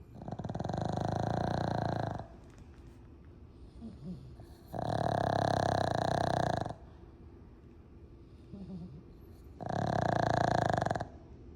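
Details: Sleeping dog heavily snoring: loud, rattling snores on each in-breath with quiet out-breaths between, about 13 breaths a minute.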